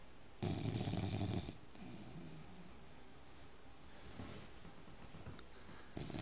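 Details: Sleeping 5-month-old bulldog puppy: one loud, rattling snore, then soft, noisy breathing in a quiet room: snoring.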